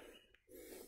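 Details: A sick female breeding pigeon with a cough, cold and sneezing ("bengek"), hoarse breathing and a slightly open beak, with suspected mucus in the airway: one brief snorting gasp against loud background noise; abnormal respiratory sound.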